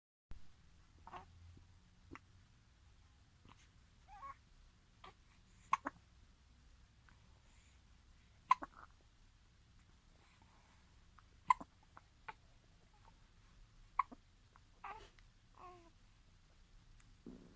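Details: Hiccups in a baby girl, labelled day 29: sharp, brief hiccup sounds recurring irregularly, about 20 a minute, in a quiet room.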